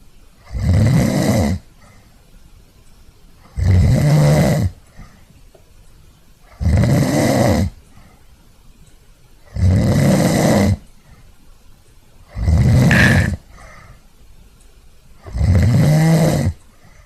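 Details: Sleeping person snoring: loud, regular, rumbling snores on each breath, about 20 a minute.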